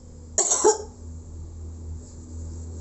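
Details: Nursing student demonstration of deep breathing and effective cough exercises on a female patient: a voluntary short double cough, two quick bursts, in a quiet room with a low hum.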